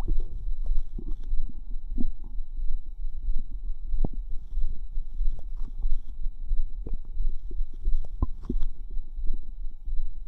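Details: Low irregular gurgles, pops and squelches from the stomach; ordinary bowel sounds (borborygmi).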